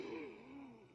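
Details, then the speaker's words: Adult radio host who wakes at night hearing their own wheezing demonstrates one strained, noisy breath with a low, pitch-sliding musical whistle: wheezy breathing. "And I wake myself up sometimes because I can hear myself wheezing."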